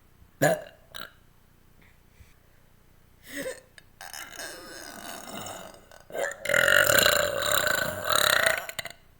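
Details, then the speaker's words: Voluntary eructation: several deliberate burps, ending in a long, loud, rumbling belch. "One of you guys asked me to do a longer burp video, so I'm gonna do it."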